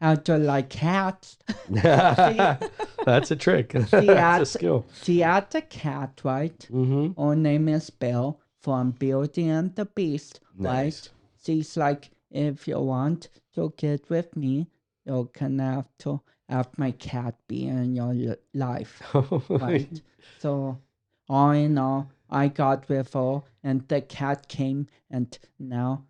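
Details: Dysarthria in a 32-year-old man with cerebral palsy, which he says affects his speech coordination and walking.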